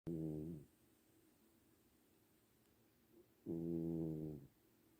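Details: Snoring: two loud, rumbling snores about three seconds apart, each under a second, with quiet breathing between them.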